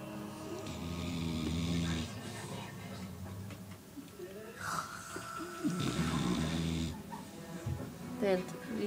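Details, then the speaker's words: Dog billed as the loudest snoring dog, sounding not humanlike, recorded in the dark: loud rattling snores in repeated breaths with room noise and faint music behind; snoring. "so you're about to hear the world's loudest snoring dog this is not human like"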